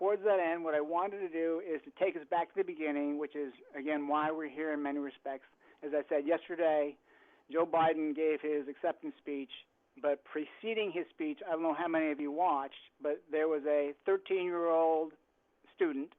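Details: Adult male speaker; Normal fluent speech.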